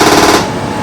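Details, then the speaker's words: Deep TMS helmet for depression, demonstrated on a volunteer rather than a real patient, in sessions of about 20 minutes with 20-second breaks: a loud, rapid clicking pulse train that fades at the end of the burst. "I hit charge then I do 3 2 1 and that's what it will sound like so that's the noise that comes right"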